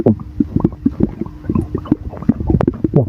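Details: Rapid low gurgling and bubbling rumbles, continuous for about three seconds, after drinking Sour; stomach rumbling from air and fluid moving in the gut.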